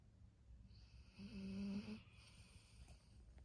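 A single rattling, low-pitched snore lasts about a second over quiet breathing; snoring in a sleeping dog.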